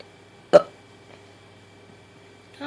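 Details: One short, abrupt catch in a quiet room, fitting a single hiccup, from a baby girl during bottle feeding and burping.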